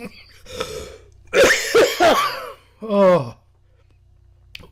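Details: A man drinking mango-orange juice has a quick cluster of harsh coughs with throat clearing, then a strained voiced exhale.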